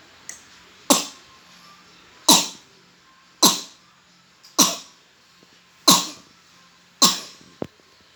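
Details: A toddler coughing at night, to the point of vomiting: six sharp, harsh single coughs roughly every second, at about 50 a minute, in a quiet room.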